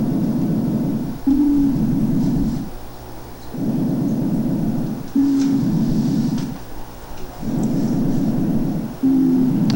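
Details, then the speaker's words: Chest auscultation: hollow, blowing breath sounds with a low bottle-like musical ring; amphoric breath sounds. "lógicamente se parece mucho a este soplón fólico de pacientes con tuberculosis en etapa de resolución que ya no tiene abscesos ya las cavernas están huecas"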